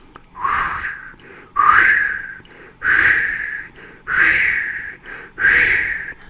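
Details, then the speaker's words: Vocal imitation of a diamond-shaped (crescendo-decrescendo) mid-systolic ejection murmur of aortic stenosis: breathy whooshes that swell then fade, from turbulent increased flow across the stenosed aortic valve as the left ventricle ejects. "that's myth systolic murmur and that is a typical systolic murmur or diamond-shaped murmur of aortic stenosis that occurs because of the ste nosed valves and increased flow across the Uhrich of ear recruit which is causing a great deal of turbulence"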